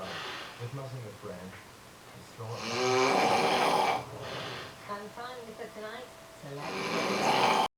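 Loud, rough, rattling breaths come and go in slow cycles, the rumbling noise of snoring from vibration in the upper airway during sleep.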